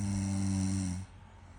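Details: A female partner (girlfriend) snoring: a single low, buzzing, rattling snore lasting about a second, then quiet room noise.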